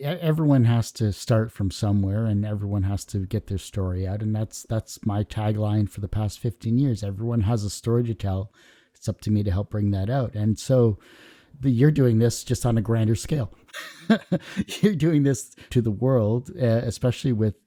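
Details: Adult man speaking; normal speech.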